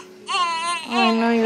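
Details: Clear, high-pitched newborn cry with a strong, sustained voice just after birth, following induced labor at 39 weeks 3 days for maternal blood pressure; second baby, a girl.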